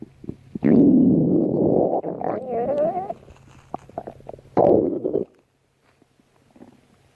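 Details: Stomach growling: several loud, rumbling and gurgling bursts with a brief squeaky, warbling run, the sound of gas and fluid moving through the gut; borborygmi.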